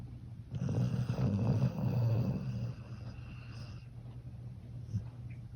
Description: My baby poppy, cocker spaniel snoring so cute!!